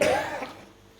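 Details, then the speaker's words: Single short, harsh cough from an adult woman in a quiet room, during a flu-like respiratory illness caught from her husband; her cough has disturbed her sleep for two nights and affected her voice. "jadi Beliau juga sakit ada flu batuk nah saya kejangkit pada saat drop itu Sehingga tadi malam terganggu juga dua malam ini terganggu tidur karena batuk jadi suara saya agak terganggu"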